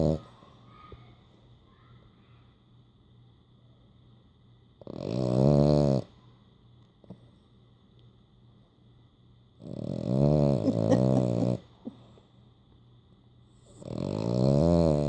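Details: French Bulldog sleeping with eyes open and tongue out: loud, buzzing, vibrating snores roughly every five seconds with quiet pauses between; snoring.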